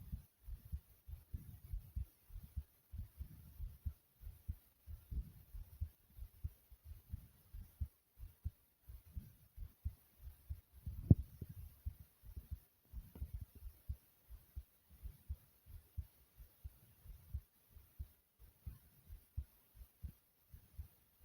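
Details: Female heartbeat recording: steady, regular low thumps, each beat a soft paired lub-dub; heartbeat.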